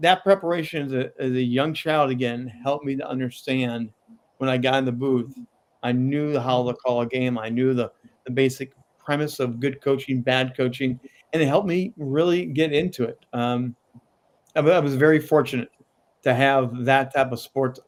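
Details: Adult man with a lifelong stutter, still present at times; word repetitions such as "I I I"; stuttering.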